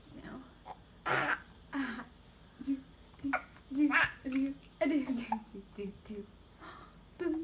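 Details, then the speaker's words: Infant giving a series of short, abrupt voiced bursts at irregular intervals mixed with babbling in a quiet room: infant hiccups. "You have the hiccups now."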